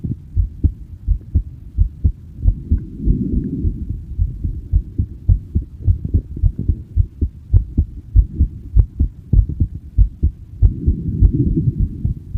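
Steady low heart thumps at about 100 beats a minute with a soft hum behind them; ordinary heartbeat.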